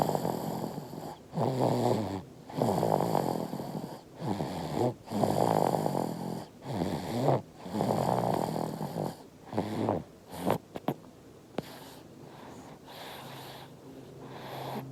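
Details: Five-month-old baby snoring while asleep and sucking as if drinking milk in a dream: rapid, rough, rattling breaths in quick succession, then quieter breathing; harmless infant snoring.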